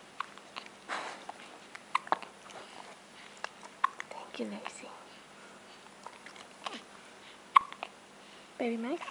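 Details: Baby lying on his mat with hiccups: soft, sharp hiccup clicks a few seconds apart in a quiet room, with an adult's soft voice.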